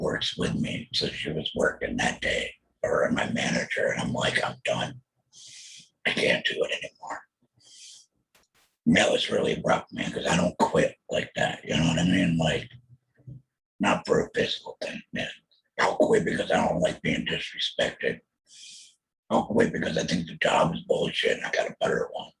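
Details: Alaryngeal speech from a laryngectomee after a total laryngectomy for throat cancer diagnosed in 2020, followed by chemotherapy and radiation.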